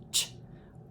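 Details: Speech therapist's demonstration of a lateralized sh with slushy lateral air escape, as in children with lateral lisp; lateral lisp (lateralized sh).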